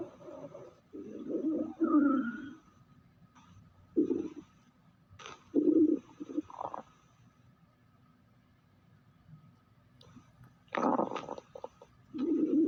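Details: Several low, drawn-out gurgling growls separated by quiet; stomach growling (borborygmi).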